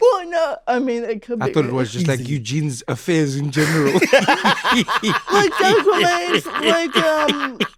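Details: Adults in conversation; typical speech.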